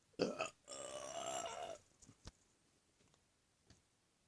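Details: Voluntary belching: two short voiced burps, then a long, loud belch of about a second.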